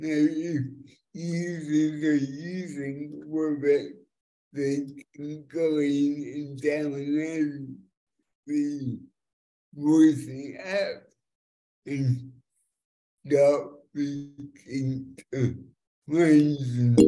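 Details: Dysarthria from cerebral palsy in an adult man born with the condition, which affects his fine motor control and speech, after years of speech therapy; live demonstration of a speech recognition web app.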